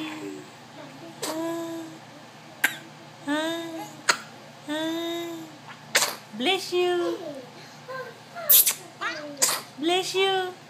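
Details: A young child sneezes repeatedly in a small room: several sharp, explosive bursts mixed with high-pitched vocal sounds; sneezing.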